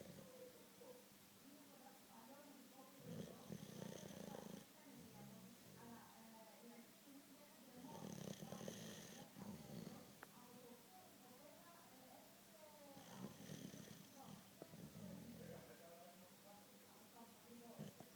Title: Ο Ρόκυ ροχαλίζει - Rocky snores